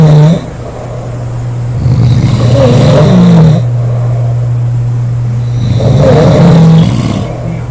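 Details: Loud, rough, rumbling snores in slow repeated breaths from three sleeping sisters aged 19, 24 and 25; heavy snoring from more than one sleeper.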